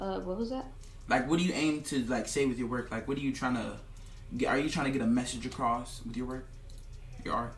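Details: Adult male speaker; typical speech.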